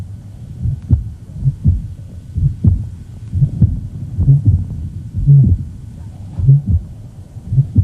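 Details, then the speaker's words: Tricuspid regurgitation murmur in a woman with an abnormal mitral valve, possibly from rheumatic disease. The murmur changes with and is accentuated by her ventilatory effort and has a distinctive honking character. "it's accentuated by her ventilatory effort because of the increase in right ventricular blood volume it has a very distinctive character it says like a honk"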